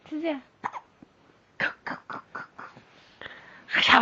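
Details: Korean baby boy at day 90 of life: a brief coo, then a run of short, abrupt catching sounds in quick succession, ending in a louder fuss; hiccups.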